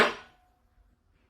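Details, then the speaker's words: Tuning fork struck to start a Rinne test of bone and air conduction during an ASMR-style head-to-toe assessment: a sharp metallic strike followed by a faint, fading pure ringing tone. "now I'm going to do the Ryan test. So this tests to see if your bone conduction is intact and your air conduction. So I'm going to activate the tuning"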